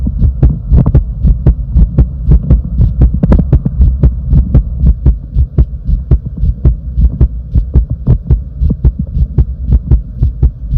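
Loud, steady low thumping of a heartbeat at about 115 beats a minute, with a constant hum underneath.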